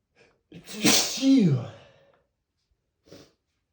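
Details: Male (M) unstifled sneeze, the consequences of not stifling: one loud sneeze with a sharp intake before it and a trailing voiced release, then a brief sniff; an ordinary sneeze.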